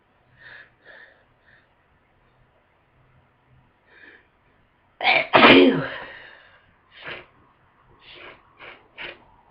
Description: I just woke up with a wicked head cold. It brought really powerful sneezes and a lot of congestion.